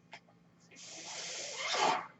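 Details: Real recording of a podcast host's own mechanical ventilator: a soft click, then a rising airy hiss lasting over a second that swells and cuts off as a breath is delivered. Mechanical ventilator breath sounds.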